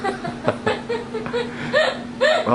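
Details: Girl with a prolonged bout of hiccups: repeated short squeaky hiccups mixed with laughter and giggling; described as unable to stop.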